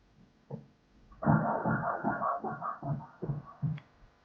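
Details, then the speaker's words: Fetal Doppler at 29 weeks 1 day by dates (30 weeks 1 day by measurements), cephalic, slightly low fluid, early placental aging: rhythmic whooshing fetal heartbeat at about 140 per minute, normal. "qayzimiz bo'yicha 29 hafta bir kunlik yurak yurishlarini eshitamiz"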